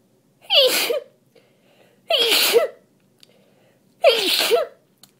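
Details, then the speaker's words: Three forceful, partly held-back sneezes about two seconds apart from a congested adult still sick with a cold plus tree-pollen allergy, sneezing while reading aloud. "normally my uh allergies aren't so bad this time of year but i i think that i i think um the cold makes it worse and and i also i sneeze more when i when i talk that's why the reading makes me see so so much"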